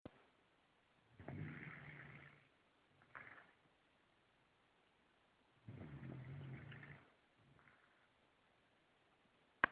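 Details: Sleeping French bulldog: loud rattling snores on each slow breath, with quieter snorts on the return breath; snoring.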